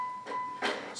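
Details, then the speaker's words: LUCAS mechanical chest compression (CPR) device switched on: a steady electronic tone, then a short burst of start-up chimes. "it's recommended you turn it on before you've even removed it it'll make its little"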